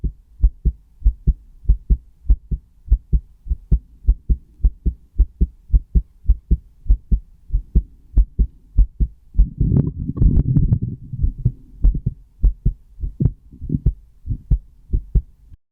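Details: Own heartbeat recorded with a stethoscope: steady low thumping, about 98 beats a minute, brief rubbing noise midway; normal heartbeat.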